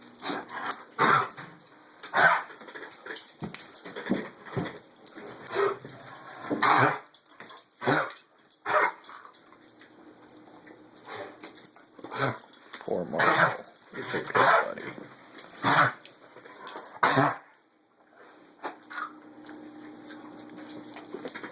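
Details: Black Labrador with kennel cough at its worst stage: repeated harsh, honking coughs and hacking bursts.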